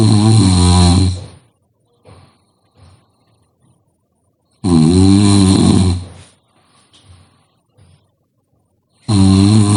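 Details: Very loud, deep, rattling snores on each in-breath, about three in ten seconds, with quiet breathing between; heavy snoring.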